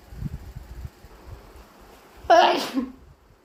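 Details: Single loud, explosive, wet sneeze after soft background noise, deliberately induced with chhinkni sneezing powder and a tissue; sneeze.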